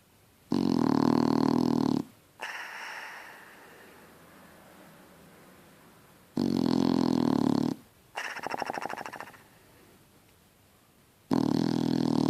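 Loud, rough, low snores on each in-breath, about every five seconds, with softer rattling out-breaths between them: a dog snoring.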